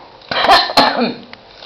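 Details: Cough from a little one called "nene," described as having a cough: two short, harsh cough bursts close together, then a brief rasping tail.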